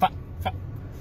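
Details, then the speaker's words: Simple vocal tic in an adult with Tourette syndrome: two brief, sharp clucking throat sounds in quick succession. "i have tourette syndrome i'm a stand-up comedian here out of the state of texas"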